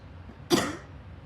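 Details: Single harsh cough in a quiet room from an adult with asthma, ex-smoker quit about five months ago, still struggling while recovering from a severe illness with breathlessness and exhaustion.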